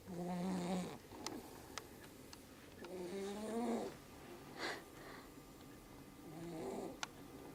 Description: Snoring baby